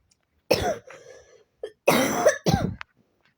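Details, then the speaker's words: Cough from a sick person with bad allergies and watering eyes: three harsh cough bursts with a throat-clearing quality, in a quiet room. "I think I'm gonna have to end this video I'm getting really like really bad I'm sick"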